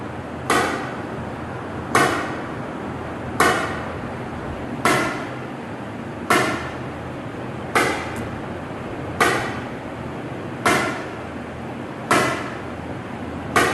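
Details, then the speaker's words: Live ESWL lithotripsy for a roughly 13 mm left kidney stone: regular sharp cracking shocks at about 41 a minute over steady room hum; lithotripter shock waves. "Normally एक patients को मैं तकरीबन 2500 से 3000 shocks के दरमियान लगाता हूं। इससे ज्यादा लगाएंगे तो फिर किडनी को भी डैमेज हो सकता है।"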